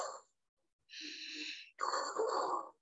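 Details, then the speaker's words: Imitated harsh breath sounds (respiración ruda) illustrating severe inflammatory airway reaction in drug allergy, with mucus and laboured breathing: a rough, noisy inspiratory and expiratory breath pattern. "respiración ruda y se escucha es el 12 el paciente se ve como le cuesta trabajo respirar y hay ruidos respiratorios que pueden ser inspiratorio respiratorios"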